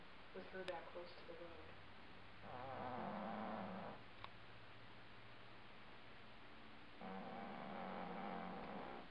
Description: It's a housecat who is snoring loudly.